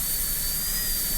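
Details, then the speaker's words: High-speed dental drill cutting the occlusal outline of a Class II #30 MO preparation on a lower-arch typodont model tooth in a teaching demonstration, extending into grooves while preserving triangular ridges: brief steady high-pitched whine with rushing air. "I'm preserving the triangular ridges between the grooves, but extending into each of those grooves and making a nice, smooth, flowing outline."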